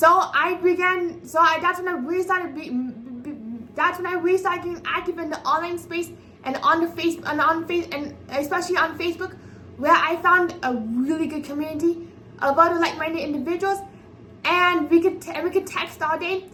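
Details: 24-year-old woman with apraxia of speech, a speech disability affecting sound articulation, speaking unscripted; apraxia of speech.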